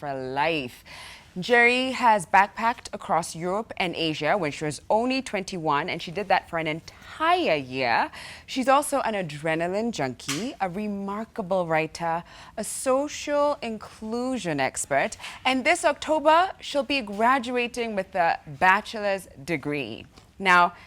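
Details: Adult woman, show host; typical speech.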